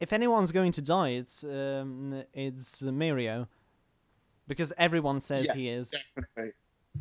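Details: Male podcast host who stammers, recording standing up in a new setup to see whether he stammers more or less; stuttering (stammering).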